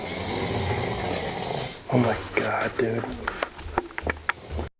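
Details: Man snoring heavily during sleep: irregular snorting, rumbling snores with short gurgling bursts, in a small room with steady background noise.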